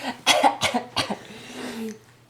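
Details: A 5-month-old baby girl, not sick, makes a cough that sounds fake, which her parent suspects is for attention: three short, light coughs, then a soft drawn-out voiced sound.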